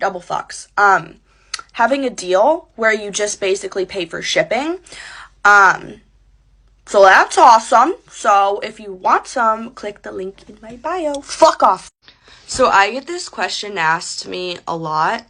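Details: Real recording of a creator with Tourette syndrome speaking, with interjected swearing tics. Vocal tics with coprolalia (Tourette syndrome).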